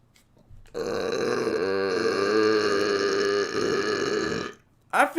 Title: Twitch burp compilation